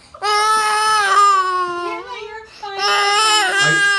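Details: Infant boy startled into crying by his father's sneeze: loud, sustained wailing in two long cries with a brief catch between them.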